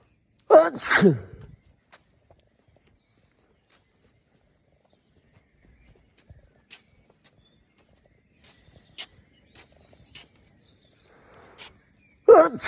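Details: Sneezing fit while walking home after a night of drinking alcohol, which nearly always triggers it; two sharp explosive sneezes separated by quiet breathing, faint outdoor sounds.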